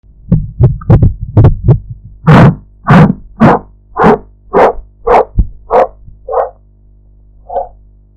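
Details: Korotkoff sounds during blood pressure measurement with a sphygmomanometer, audio-enhanced practice recording: faint taps that grow into loud thumps, then soften and fade.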